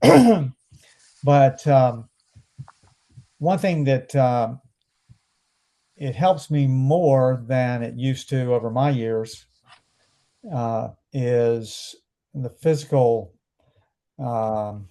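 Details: Male stroke survivor about 12 and a half years post-stroke, after speech therapy begun days after leaving hospital; anomic aphasia.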